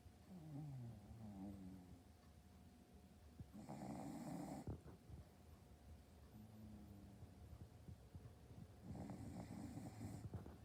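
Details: A Boston terrier snoring: a whistly, rising breath in and a rough, snorting breath out, repeating every few seconds.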